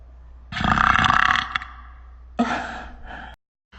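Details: Prolonged burping: two long, loud, rumbling burps with a rattling, gurgly quality and a brief pause between them.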